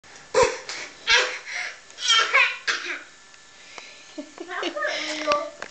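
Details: A young boy gives several short, forced coughs with brief voicing to try to get a cough drop; he is told it is not a real cough, so this is a deliberate, fake cough.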